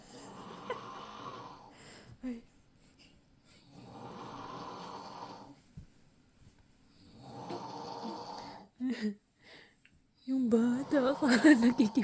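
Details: Father snoring while his baby thinks he is playing: three long, rough, rattling inspiratory snores with quiet pauses, then a child's voice and play sounds.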